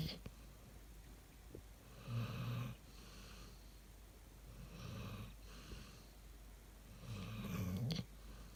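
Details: Three low, fluttering snores with faint room noise, from a sleeping female retriever dog that snores often; snoring.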